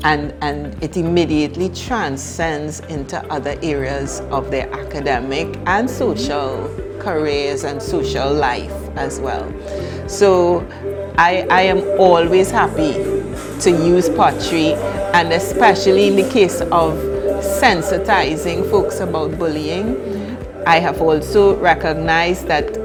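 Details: Adult woman speaking, with background music; typical speech.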